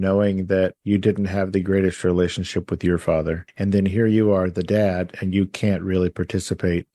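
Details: Adult male speaker; Normal speech.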